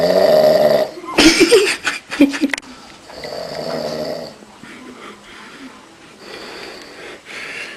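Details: Adult man snoring: loud, rough snoring on an in-breath, followed by a quieter snoring cycle.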